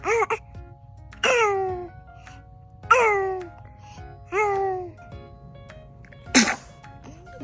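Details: Baby boy coos, then gives one short, sharp sneeze near the end; sneezing.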